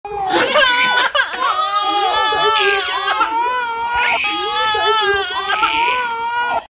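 Loud, sustained wailing cry from an infant in long rising and falling bursts, with brief breaths between.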